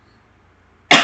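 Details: Single short dry cough in a quiet room from an adult who is unwell with a sore throat and coughing throughout a spoken presentation; cough.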